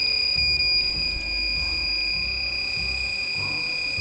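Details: Cold plasma device in pulse mode with intensity increased, a strong arc applied on the operator's hand: a continuous high-pitched electronic tone over low crackling hum while the tip is active; a normal operating sound.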